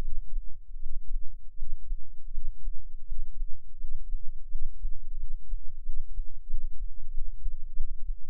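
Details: Adult's own heartbeat recorded through an experimental microphone enclosure; dominant frequency about 10 Hz, heard only as deep, muffled low thumping under a steady low rumble; recording includes a breath-hold.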